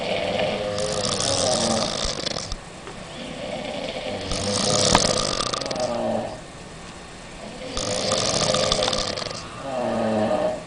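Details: Women snoring on holiday after a nightclub and alcohol: three long, loud, rasping snores about three to four seconds apart, with quieter breathing between them.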